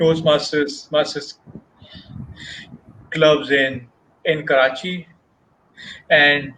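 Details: Stuttering in an adult man who has stammered since age 6; many speech therapies did not help him, and he describes Toastmasters clubs in a session by stammerers for stammerers.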